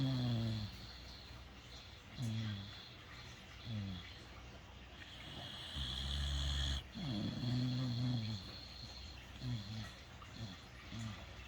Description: The Critters are sleeping!